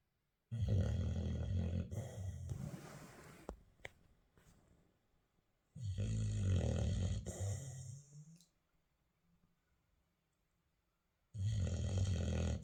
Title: puppy snoring in his cage